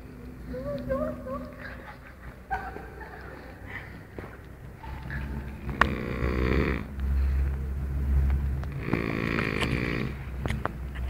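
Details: Person snoring hard while asleep: loud, rough snoring with heavy rattling breaths in a noisy room; snoring.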